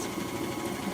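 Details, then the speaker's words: Cystic fibrosis patient's airway clearance vest, run at low speed for 10 minutes, then higher speed for 10 more: a steady low mechanical hum with fast pulsing as the machine blows air into the vest to shake the chest wall. "when it starts we do the low speed for 10 minutes and then when it runs out we put it on the higher speed for 10 more"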